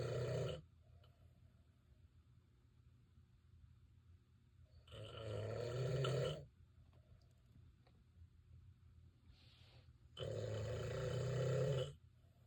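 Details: Husband's very loud snoring during sleep, loud enough for the couple to sleep in separate bedrooms: rough snores on each in-breath, about every five seconds, with quiet pauses between; heavy snoring.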